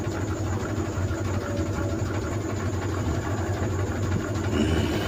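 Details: Steady low motor drone and constant hiss of a portable battery or power-bank nebulizer running, with visible mist, used weekly by an adult for asthma who also reports heart and lung illness.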